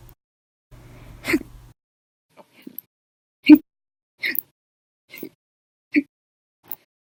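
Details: Violent, loud and silent hiccups on 8/10/19, in a bout lasting 10 hours 51 minutes after breakfast, lunch and 2 cups of soda after dinner: six short, abrupt gulping hiccups over about seven seconds, some quieter, separated by silence.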